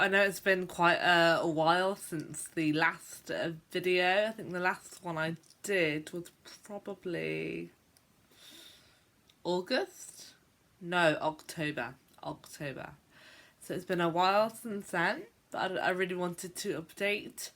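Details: Stuttering in an adult woman who stammers, on a day she describes as a bad day for her stammer.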